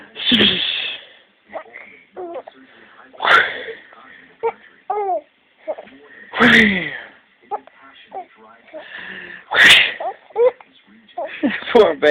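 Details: Hiccups in a laughing infant: five abrupt, forceful catches about every three seconds, with squeals and laughter between.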